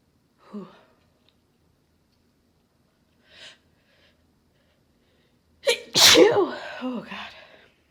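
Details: Induced sneeze in a female recovering from a cold, still congested and stuffed up, after taking chhinkni: a couple of faint sniffs, then one loud explosive sneeze with a short vocal trailing sound.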